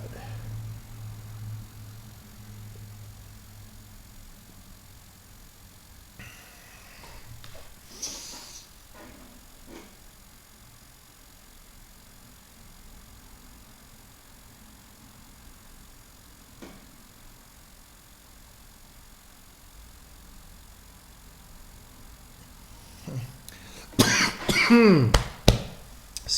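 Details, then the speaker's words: Man at a computer gives a short cluster of sharp, harsh cough bursts over the steady hum of a loud fan: cough. "you probably couldn't hear that cough over the sound of the fan though"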